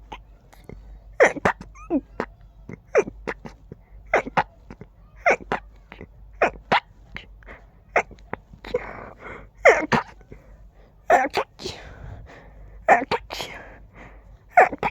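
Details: Person with allergies acting up, feeling the urge to sneeze with every breath: rapid run of about twenty short, stifled sneezes with quick catching breaths between them; sneezing fit.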